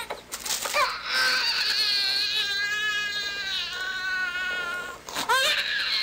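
A newborn cries in long, high-pitched, strained wails, broken by brief gasping breaths, in a small room: sustained infant crying.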